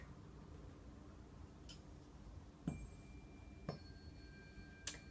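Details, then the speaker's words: Unweighted tuning forks activated on a puck-like activator, then held three to four inches from the patient's ear: soft taps followed by faint, clear, sustained ringing tones; healing demonstration. "they make sound which transfers the energy through the tissues and into the tympanic membranes or ear drones and that's how it gets into the body"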